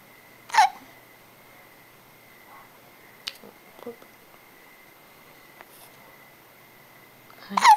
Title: Hiccups